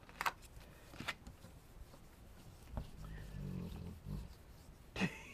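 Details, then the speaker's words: Female dog asleep with her head on the owner's foot, in her bed under a desk: low, rumbling snores like a truck driver, under sharp tapping and clicking sounds from nearby handiwork. "you hear babe snoring underneath of me she's crammed underneath under her little bed underneath my desk with her head on my foot snoring away like a truck driver"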